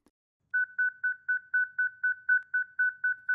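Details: ZOLL Zenix EMS monitor/defibrillator in manual mode, charging step after energy selection: steady pulsing electronic beeps about four a second as the defibrillator charges.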